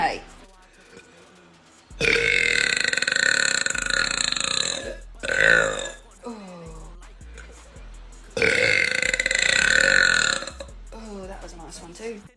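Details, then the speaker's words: Deliberate burping by a woman after drinking soda, which she says burns and gives brain freeze: three loud belches, two long and drawn out, with quieter voice sounds between. "I don't recommend doing this brain freeze ah and I don't drink soda so it burns oh that was a good one that was a nice one"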